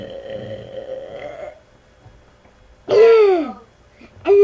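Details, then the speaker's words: Series of loud voluntary burps: a long, low, rumbling burp, then a loud, tonal belch falling in pitch and a second one starting. "Okay, okay, okay. You're going to hear the loudest fart ever. I mean the burp ever."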